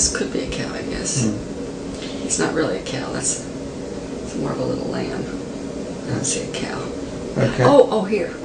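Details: Female patient with semantic variant primary progressive aphasia who cannot name objects or point to a named object despite recognizing them, failing to understand word meanings; semantic anomia.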